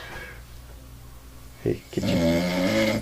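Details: Snoring.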